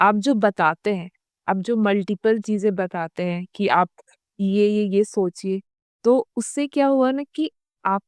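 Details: Adult female doctor with stammering since childhood, worse under continuous stress, who has had speech therapy three times; stuttering.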